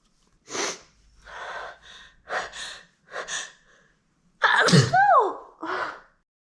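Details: Sneezing fit induced by chhinkni: a rapid run of small sneezes with gasping in-breaths between them, ending in a louder voiced sneeze.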